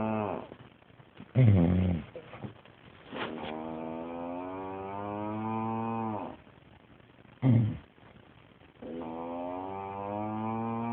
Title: Husbands snoring sounds like a cow